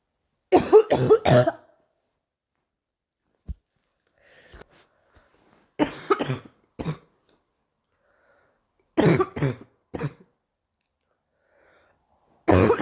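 Four bouts of coughing, each a quick run of two or three harsh coughs, separated by quiet pauses.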